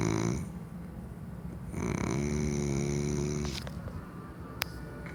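Rumbling, fluttering snores on the breaths, one with a buzzing tone, heard against room noise.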